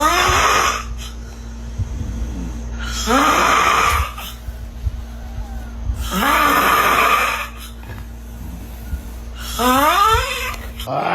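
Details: Loud, rasping snores repeating about 19 a minute, each a rough, rising rattling breath, over a steady background hum; snoring.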